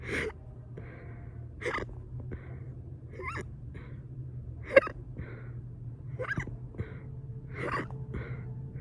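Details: Rapid, repeated abrupt hiccup catches about one a second over a low background hum; fast hiccups induced by burping.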